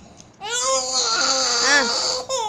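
A sustained, high-pitched wailing cry with a wavering pitch, typical of a crying baby.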